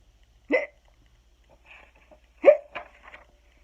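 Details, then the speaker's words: Two abrupt voiced 'hic' sounds with faint vocal trailing, acted imitation of hiccups during a read-aloud of the children's book Skeleton Hiccups; simulated hiccups. "But nothing worked. The hiccups stayed."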